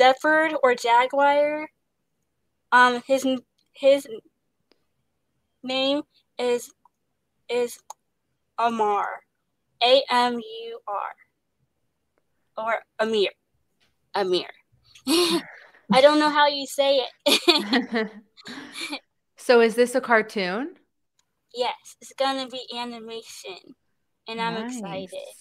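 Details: Young woman actress who stutters, with word repetitions and interjections; stuttering.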